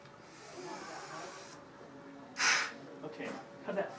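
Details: Peak flow measurement during an inhaler treatment session: quiet breathing after a slow deep inhale, then one short, loud, forceful blast of air, a maximal forced exhalation into a peak flow meter.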